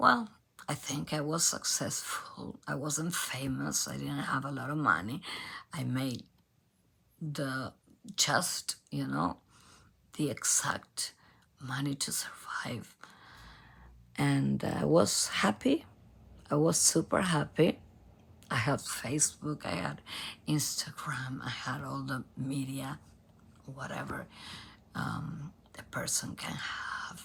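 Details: Adult female professional singer from Argentina with abductor spasmodic dysphonia, in which spasms of the vocal cord muscles open the cords. Onset was in 2015 and it has been worsening despite repeated Botox injections.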